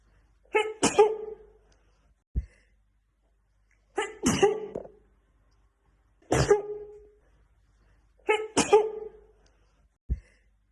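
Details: Woman in a sneezing fit: four sharp sneezes about every two seconds, each followed by a short sniff.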